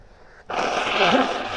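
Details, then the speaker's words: Adult female sneezing after taking snuff, can't stop sneezing: a sudden loud, noisy sneeze after a quiet moment, trailing off over about a second. "oh excuse me can't seem to stop excuse"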